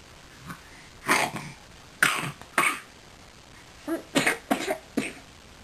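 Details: Cough from a 10-month-old infant boy: a series of short, sharp coughs, some in quick pairs, in a quiet room.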